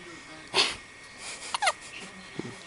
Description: Our baby girl with the hiccups.